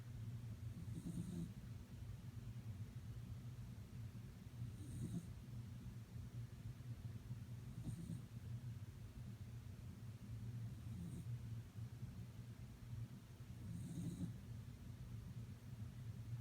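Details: Snoring: soft, low snoring breaths recurring about every three seconds, roughly 18 a minute, over a steady low background hum.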